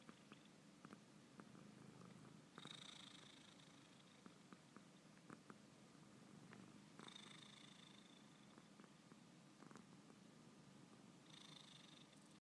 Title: Cat snoring